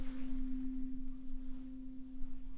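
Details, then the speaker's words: Pure, steady low hum of a struck C tuning fork held near the head for a hearing check in a soft-spoken, simulated doctor roleplay. "I'm gonna whack it and run it over your head. This is for your ears, for your hearing, in case you hadn't guessed."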